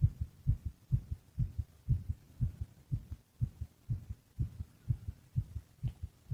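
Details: Sleeping boyfriend's heartbeat: steady, regular low thumps in lub-dub pairs, about 125 beats a minute, with faint room hum; a normal heartbeat.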